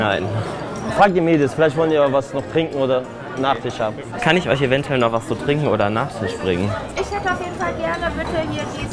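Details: Adult male speaker, German; speech.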